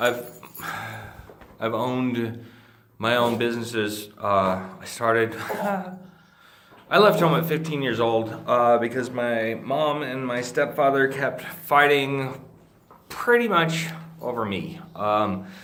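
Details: Adult man with Friedreich's ataxia, a degenerative neurologic disease that he says slurs his speech and impairs swallowing. Finding: dysarthria (slurred speech) in Friedreich's ataxia.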